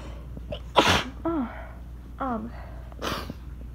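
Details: Person already tickly, recorded on phone during storm; two forceful sneezes, each with sharp inhaled lead-in and voiced release, over steady rain background; small sneezing fit.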